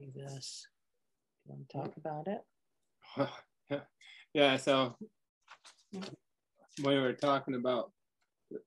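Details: Primary progressive aphasia in a man diagnosed last summer, with word-finding difficulty; his speech varies between good and bad days and is worse when he is tired.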